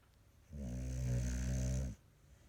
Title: snoring lol